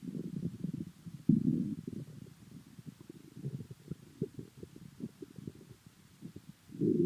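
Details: Ordinary bowel sounds: low gurgling and bubbling stomach rumbles with short clicks and a few louder growls; owner unsure whether full or hungry.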